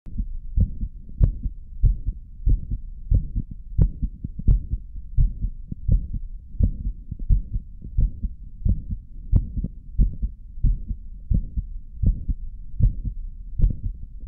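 Steady low heart thumps at about 90 beats a minute, a mildly quick heartbeat recorded after caffeine.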